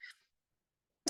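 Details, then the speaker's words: Single brief, airy, non-productive dry cough from an adult recovering from a recent illness with lingering nasal symptoms. "I have a wicked dry cough, so you might hear that some today."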